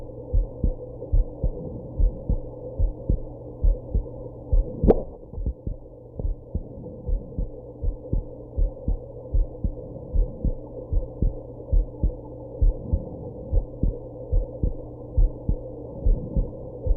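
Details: Heartbeat recorded after smoking and drinking a little: a steady heartbeat around 72 a minute over a low hum, interrupted by a sharp hiccup jolt.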